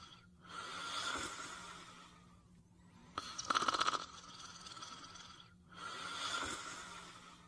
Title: Fafa the Explorer (1986-1989): Caesar Sleeping & Snoring